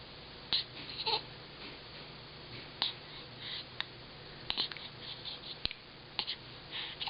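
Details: Hiccups recorded on an iPhone: repeated short, sharp catches of breath at irregular intervals, about seven in seven seconds, with faint whimpering between.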